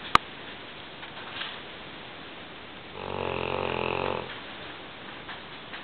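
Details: Large female English Mastiff snoring loudly while asleep: a single loud, rattling snore just over a second long, with quiet breathing and a sharp click before it.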